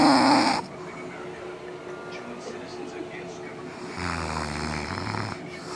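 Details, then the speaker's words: Adult woman (mother) snoring during sleep, denies snoring, reportedly gets louder through the night: a loud buzzing snore, then quiet breathing and a second softer rattling snore. "This is my mom sleeping. She doesn't think she snores. Listen to her."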